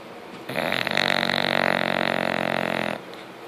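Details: Sleeping bulldog snoring: one long, loud, rattling snore with a fast fluttering buzz, typical of flat-faced dog sleep breathing.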